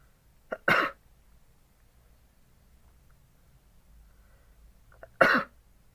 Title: sneezing in an oxygen mask